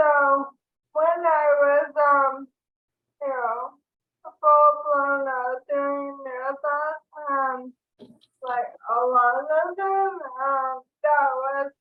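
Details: Dysarthria due to ALS in an adult woman diagnosed with ALS in 2014, recorded in 2023.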